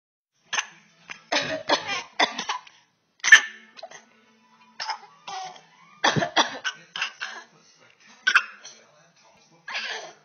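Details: Infant imitates his mother's cough: short, breathy cough-like bursts, playful copying rather than a sign of illness.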